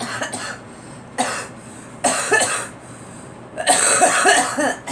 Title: Girl coughing